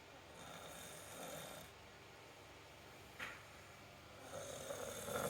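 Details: Soft, low rasping sounds recurring with sleep breaths against quiet room noise; light snoring.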